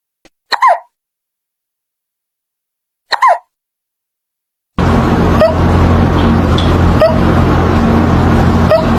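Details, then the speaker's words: Cat hiccups after eating food too fast; two brief, sharp hiccups about three seconds apart, then steady loud rumbling with faint periodic clicks. "You see what happens when you eat your food too fast."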